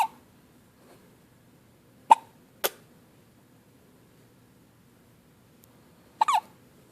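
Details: Hiccups on his first morning home after a good night: four sharp, abrupt gulping bursts spaced irregularly in a quiet room.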